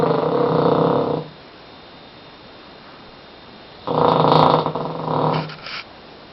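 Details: Hugo sleeping, with loud rattling snores on breathing in separated by quiet pauses of a few seconds; ordinary snoring.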